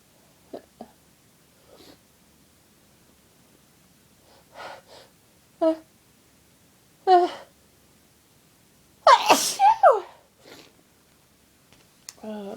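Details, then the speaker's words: Adult with a cold in bed: several loud, violent sneezes in quick succession with sharp inward gasps between them; an uncontrollable sneezing fit. "bless me. Oh God, I'm gonna sneeze again. I feel it building."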